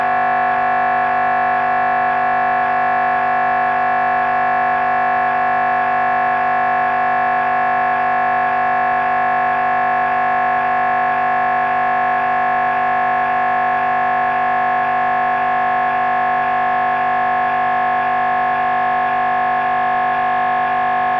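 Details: MRI scanner during a brain scan: loud, steady buzzing drone pulsing rapidly and evenly throughout, normal scanner noise.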